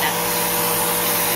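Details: Running Omron NE-C801 piston compressor nebulizer, a 3.75-pound unit: steady, loud mechanical hum and whir of a noisy machine.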